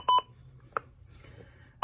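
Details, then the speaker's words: LifePak monitor alarm beeps after first shock during CPR, alarming because patient is pulseless, training demonstration: short spaced electronic beeps in a quiet room. "I'm sorry it's gonna keep alarming at me because it's defensing that the patient is pulseless"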